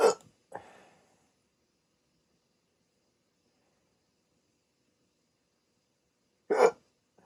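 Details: Adult with sleep apnea waking from sleep with a CPAP mask during a rare 16-minute hiccup attack: abrupt, loud hiccup bursts with a voiced catch, separated by several seconds of silence.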